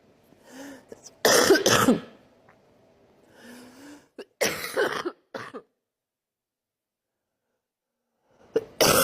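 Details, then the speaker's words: Female news presenter coughing live on air: several sharp, harsh coughs in quick bursts with muffled attempts to hold them back, a short silence, then one more cough. "So that Kiev Strikes [Сoughs] With American Weapons On The Territories Where They Passed Referendum... [Coughs] They Already Reacted To This"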